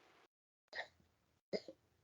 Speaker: What is that noise? My cat's coughing up a hairball.